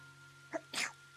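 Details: Single sneeze from a VTuber livestreamer in a sneeze compilation: a quick voiced catch of breath, then one sharp, hissing sneeze burst, followed by "excuse me" and snorts.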